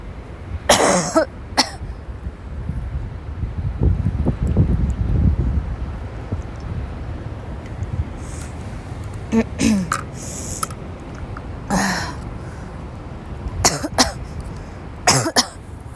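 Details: Repeated harsh cough bursts in clusters over a noisy background: a persistent coughing fit in a young woman who woke up sick and had to leave class because she could not stop.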